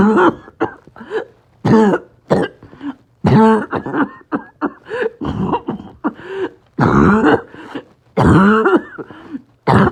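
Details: Coughing spasm in COPD with low oxygen and extreme shortness of breath: repeated harsh, barking, choking coughs in back-to-back spells with strained breaths between.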